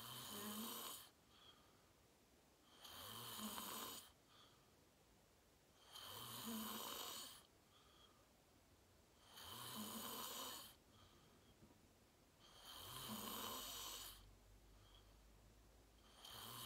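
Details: Self-recorded sleep video, fell asleep at 8:45 in deep REM sleep, tagged sleep apnea: loud rasping snores on each in-breath, about 18 a minute, with quiet out-breaths between; snoring.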